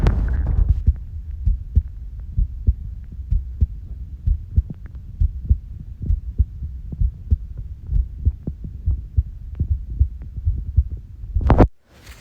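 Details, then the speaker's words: Heart sounds recorded at the lower left sternal border (LLSB) in a 10-second phonocardiogram capture with the One Heart screening app: regular soft low thumps about 70 a minute over a steady low hum. "So that said, I think we can go ahead and jump into our LLSB recording here. So I'm just going to go ahead and capture some heart sounds."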